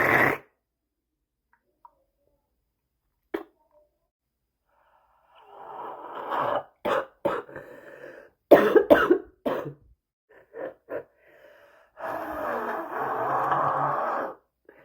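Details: An adult gives a harsh, irregular run of repeated coughs with noisy breaths between; a bad smoker's cough.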